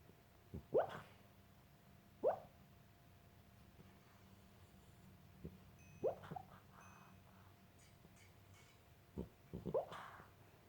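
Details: A sleeping dog makes soft, scattered puffing, squeaky "blub blub" sounds in a quiet room; ordinary, harmless sleep vocalizations.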